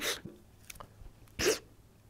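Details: Adult man, a public commentator noted to sniffle a lot, in a supercut of speaking clips: two abrupt, explosive bursts about a second apart with faint breathing between: sneezing.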